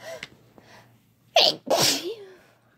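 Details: A sharp intake of breath followed by one loud, explosive sneeze that trails off in a brief voiced tail, among repeated sneezes answered with "bless you".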